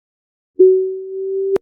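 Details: Low-frequency pure tone.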